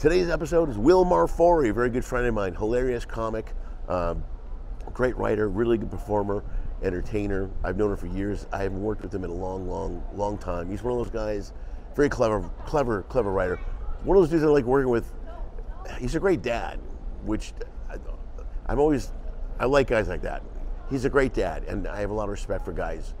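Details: Adult man speaking; Typical adult speech.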